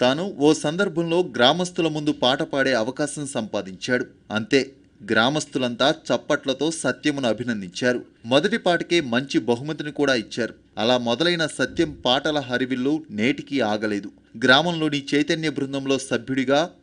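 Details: Adult male narrator; normal fluent speech.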